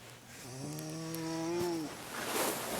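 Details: Playful imitation of a cow snoring: a single drawn-out, voiced, groaning snore with a lowing, cow-like tone.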